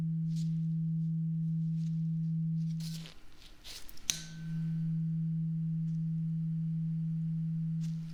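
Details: Role-played (ASMR) hearing test: a tuning fork is struck and the client says when the sound stops. A steady pure humming tone is briefly interrupted, then resumes.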